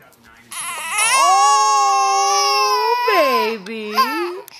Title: Baby crying of roar.